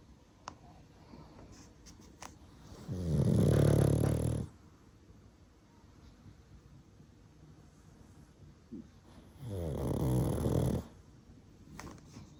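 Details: Pug dog sleeping: two loud, harsh, rattling inspiratory snores about seven seconds apart in a quiet room; heavy snoring in a short-nosed breed.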